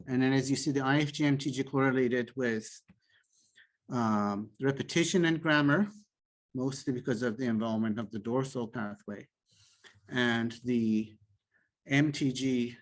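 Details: Adult male speaker; typical speech.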